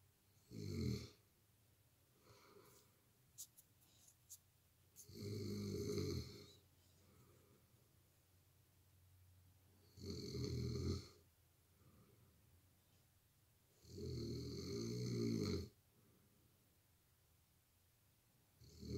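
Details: Heavy snoring by a man, likened to a grizzly bear, loud enough to wake his partner: loud, rumbling snores about every four to five seconds, roughly 13 a minute, quiet breathing between.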